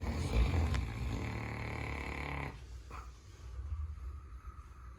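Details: Caucasian Shepherd (Ovcharka) dog sleeping in the entryway: deep, rough, rumbling snore easing into quieter breathing noises; fairly tame snoring.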